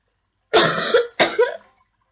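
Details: Female sick with a cold and runny nose, playing a game in bed: two harsh coughs close together.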